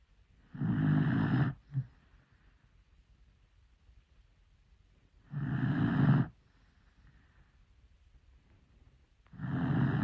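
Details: Sleeping dachshund snoring loudly, with rumbling snores on each breath at about thirteen a minute and a brief snort after the first.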